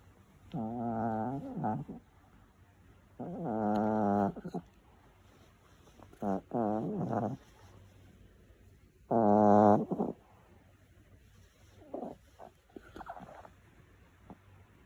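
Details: Sleeping female dog snores with rhythmic, buzzy, rattling breaths, about one every three seconds: snoring.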